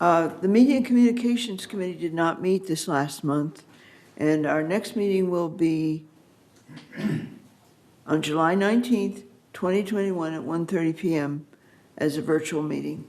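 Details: Adult speaker; normal voice.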